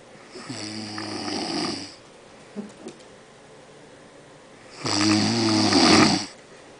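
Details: Adult man sleeping with heavy snoring, though he claims he never snores: two loud, rattling snores about four seconds apart, with quiet breathing between.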